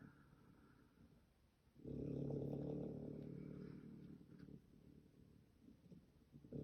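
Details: A sleeping raccoon snores: a low rumbling snore swells for a few seconds, then fades into quieter fluttering breaths; ordinary animal snoring.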